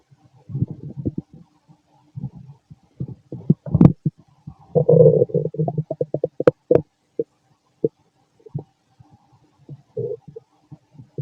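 Loud gurgles, squelches and short pops with a drawn-out rumble midway; stomach growling during digestion.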